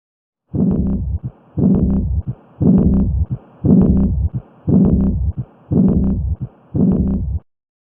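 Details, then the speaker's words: Aortic regurgitation from a defective aortic valve with turbulent flow: regular heartbeat near 58 a minute, each beat followed by a soft blowing early diastolic murmur after the second heart sound. "परंतु aortic wall हा defective असल्यामुळं त्या ठिकाणी ट्रिब्युलंट blood flow होऊन टर असा आवाज ऐकू येतो. त्यालाच ॲओर्टिक रिगर्गिटेशन असं म्हटलं जातं."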